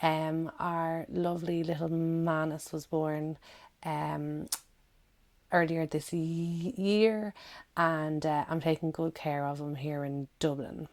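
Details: Adult woman who stammers, giving a recorded talk; word repetitions audible; stammering.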